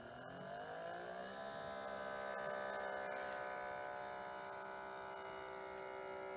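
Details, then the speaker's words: Automatic talking blood pressure monitor (Life Source, A&D Medical) cuff inflating with a steady rising motor whine as it takes the speaker's mother's blood pressure; the reading gave 129/90, pulse 65, hypertensive stage one. "preparing to take measurement please do not talk or move so she said preparing to take measurement please do not talk or move and now this is actually taking my mother's blood pressure so we're gonna wait till it finishes"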